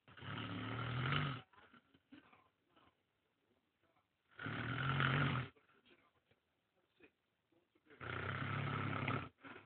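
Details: Snorer described as snoring so heavily they can't breathe: loud, rough snores about every four seconds, roughly 15 a minute, with quiet gaps between; heavy snoring.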